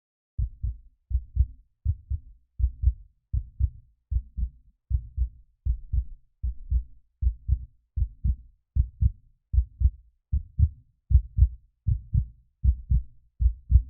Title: ЗВУК СТУК СЕРДЦА 3D